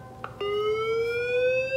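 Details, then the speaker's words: LifePak 12 heart monitor/defibrillator training demo for paramedic students, simulated ventricular tachycardia scenario, energy set to 200 joules: click then a steady electronic tone rising slowly in pitch; defibrillator charging tone before the shock. "so i'm going to hit charge so first select the energy 200 joules i might charge"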